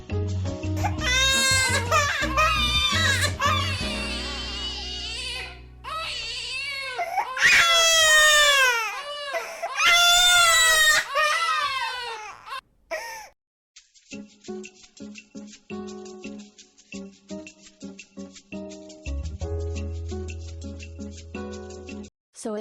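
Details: Loud, wailing infant crying in repeated bursts over music, followed by music alone; a baby-cry sound effect added onto another video, not a real recording of this scene.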